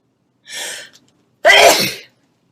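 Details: A quick inward gasp, then one forceful sneeze from a woman about 18 weeks pregnant who reports nose issues; ordinary single sneeze.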